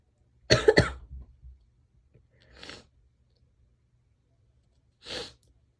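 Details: Four coughs, a sharp double cough then two softer single coughs, in a quiet room.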